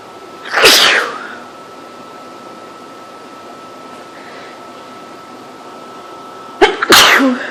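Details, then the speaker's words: Two sharp, explosive sneezes several seconds apart in a quiet room, from a person extremely allergic to cats while staying in a house with three cats; sneezing. "Bless me."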